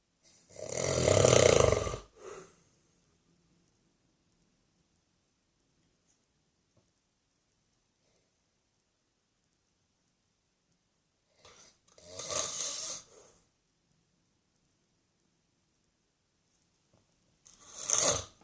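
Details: Elderly man drifting slowly asleep on Christmas Day snores: loud, rough snores about every eight seconds, roughly seven breaths a minute, with near silence between them.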